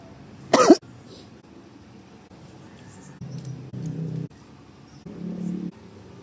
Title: Sampek batuk-batuk 🌳🤣 #bonsaiart #bonsaiworld #bonsaitree #bonsaisancang